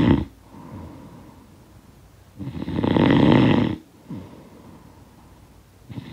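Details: Snoring sound effect of a sleeper: loud rattling snores on each breath in with quieter breaths out between; ordinary heavy snoring.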